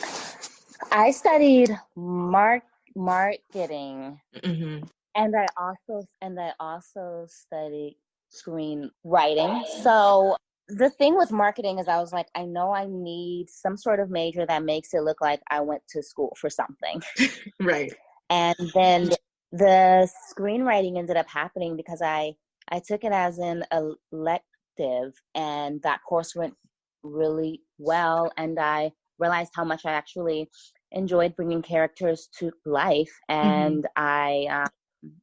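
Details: Stuttering in an adult woman writer who says she has a stutter that listeners may hear and that it was more severe in the past; part-word and word repetitions.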